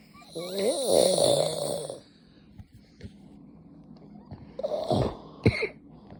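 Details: Husband's loud snoring, occurring every night: a loud rattling snore on the in-breath, a quiet pause, then a second shorter snort.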